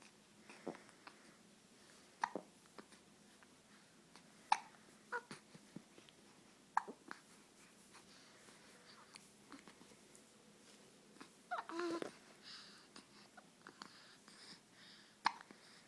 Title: Baby hiccups 2